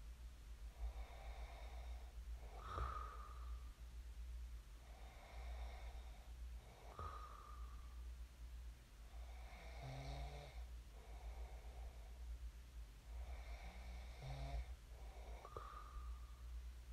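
Soft, slow snoring breaths about every four seconds over a steady low hum, consistent with snoring in sleep.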